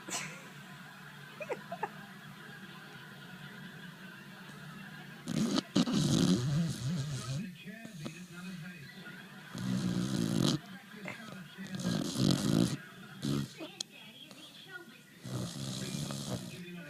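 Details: Adopted pet dog sleeping and snoring: rough, rumbling snores in irregular bursts with quieter gaps between them.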